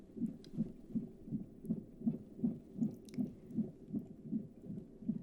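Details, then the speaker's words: Simulated pregnancy check-up in an ASMR roleplay: stethoscope listening on the abdomen picks up rapid, regular soft thumps at about 160 a minute, described as a strong fetal heartbeat. "Can you hear the heartbeat? It sounds really strong."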